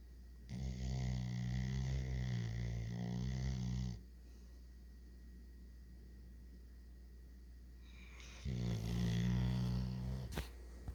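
Long, deep, fluttering snores lasting several seconds each, over a steady low hum: loud snoring in a dog.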